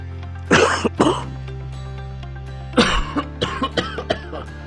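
Two harsh acted coughs, then a further cough with short throat-clearing sounds, over background music; a plain cough.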